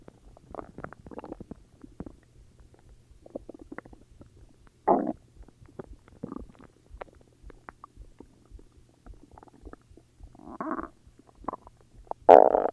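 Scattered gurgles and short rumbling bursts from the belly, with a louder growl near the end: ordinary stomach growling (borborygmi).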